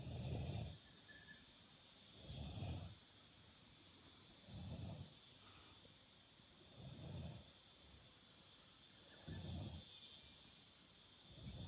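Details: Sleeping cow snoring while resting on a person's arm: low, rumbling snores about 26 a minute, each under a second, over faint outdoor hiss; snoring.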